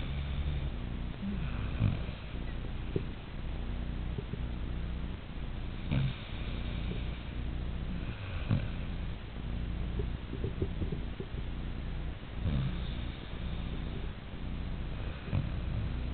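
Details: Snoring in sleep, described as sounding just like a human's: low, rumbling breaths recurring every 3–4 seconds, about 15 a minute, over steady background noise.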